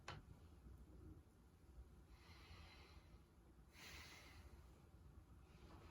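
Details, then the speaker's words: Normal breath sounds in a head-to-toe nursing assessment, heard by stethoscope over the chest at intercostal spaces down to the 8th intercostal space, mid-axillary line, both sides; smooth quiet breaths, clear and equal bilaterally, no wheezes, rhonchi or crackles. "sounds are clear and equal to auscultation bilaterally and i would know any uh a normal lone sounds any wheezing any brawls or crackles anything like that they are clear sounding"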